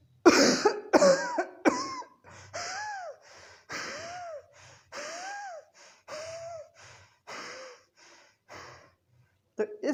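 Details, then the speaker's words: Imitated cough followed by breathlessness, for teaching: three quick coughs, then rapid, laboured breaths with a whistling wheeze, like an asthmatic attack. "खांसी आई, उसके बाद सांस फूलेगी, सांस फूलने में दिक्कत होगी, अस्थमेटिक अटैक्स टाइप का हमको लगेगा।"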